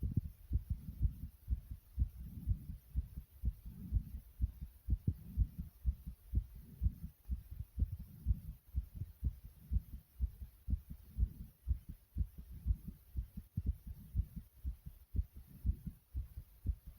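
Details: Self-recorded fast heartbeat of about 120 beats a minute: regular beats with soft breathing swells underneath, a rapid heartbeat.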